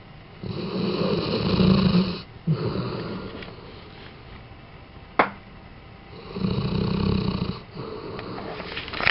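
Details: Tobi snoring: low, rumbling snores on each breath, about three in nine seconds, with a soft snort between them.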